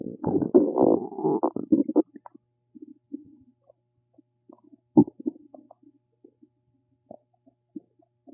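Low gurgling rumbles, a longer burst then scattered short gurgles and pops; ordinary bowel sounds from gas and fluid moving through the gut.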